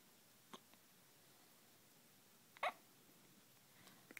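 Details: Hiccups: faint, abrupt hiccup sounds, one clearer than the rest, spaced irregularly in a quiet room.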